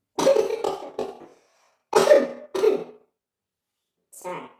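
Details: Cough interrupting a magic trick performance in a blooper reel; cough.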